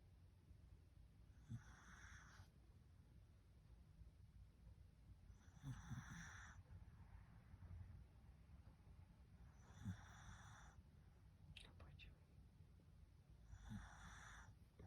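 Soft, rhythmic snoring breaths from a sleeping dog, about 14 a minute, against a steady low room hum.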